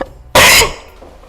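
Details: Acted, exaggerated comedic cough from an Indonesian comedy compilation: a single sharp, explosive cough burst lasting about a quarter second, then quiet room sound.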